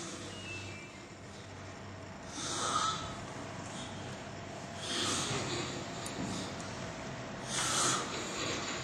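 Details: Snoring from a sleeping person.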